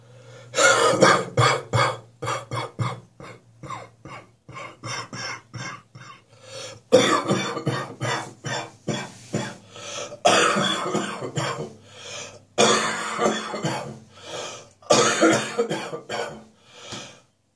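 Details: Adult with a lingering spring cold, still coughing in the morning but less during the day now. Repeated bursts of harsh coughing with throat clearing.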